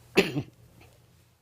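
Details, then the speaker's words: Adult man with dysphonia he attributes to seasonal allergic asthma (November to January) gives a single short two-burst cough in a quiet room; cough. "usted me van a escuchar que tengo una disfonía pero eso es propio de la alergia asmática del mes de noviembre al mes de enero"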